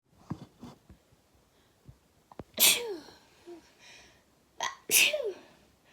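Two loud, explosive sneezes, each after a short intake of breath, with soft breathing between. Sneezing.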